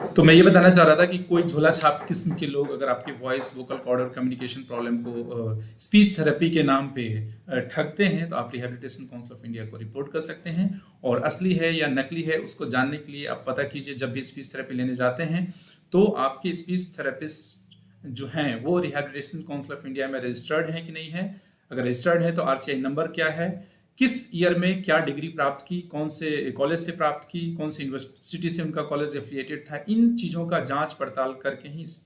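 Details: Adult male speaker; normal voice.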